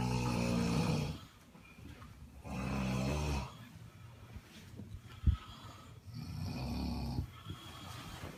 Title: Ramada hotel snoring